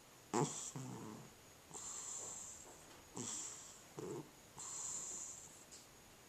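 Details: Rhythmic, noisy snorting breaths with a rattling, fluttery edge, about 40 a minute, in a quiet room: a sleeping cat snoring.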